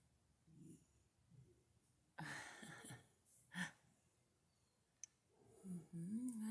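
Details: Awake cat with snoring-like breathing (stertor): low, rattly, snore-like noisy upper-airway sounds.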